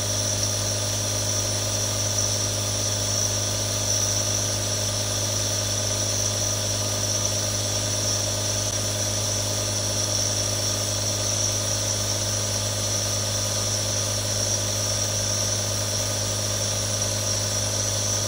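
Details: Real recording of a nebulizer running: a steady, unbroken mechanical compressor hum with a high hiss.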